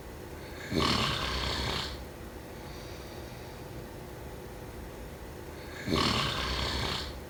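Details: Snoring during sleep: two loud rasping snores about five seconds apart, with quiet breathing between.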